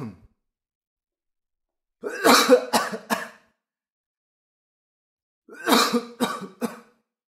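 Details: Two bursts of acted adult coughing, each a short run of three or four harsh coughs, as a stock sound effect.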